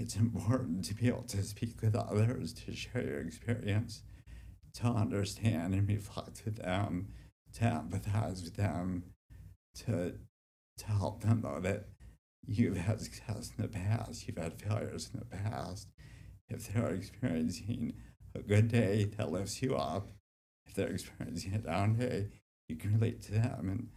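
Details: Dystonia affecting speech (residual dysarthria/dysphonia) in an adult man with generalized childhood-onset DYT1 dystonia since about age 7; formerly treated with vocal-cord Botox injections, his speech improved with deep brain stimulation since 2005, but residual symptoms remain.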